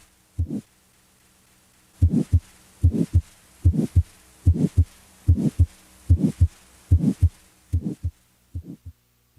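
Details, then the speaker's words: Teaching recording of a carotid bruit: regular whooshing pulses about 73 a minute heard with the stethoscope diaphragm over the carotid artery while the patient holds their breath, suggesting arterial narrowing. "listen for a brewery which is a whooshing murmur-like sound of vascular rather than cardiac origin a brewee suggests arterial narrowing if present a brewery would sound like"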